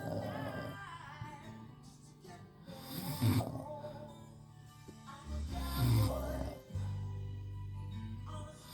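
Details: Adult man (husband) snoring in sleep: low, rumbling snores at a slow rhythm under background music.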